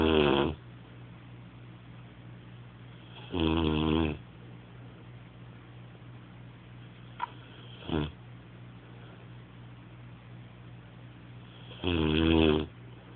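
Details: Rocko snoring: loud rasping snores recurring every few seconds over a steady low hum, with brief quieter snorts between them; snoring.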